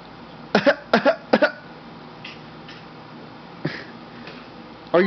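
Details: A young child gives a quick run of three short, voiced coughs, then a couple more, deliberately produced fake coughs after being asked about a bad cough; voluntary (fake) cough.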